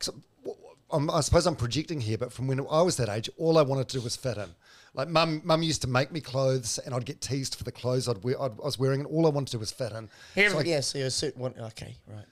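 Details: Adult male speaker; normal speech.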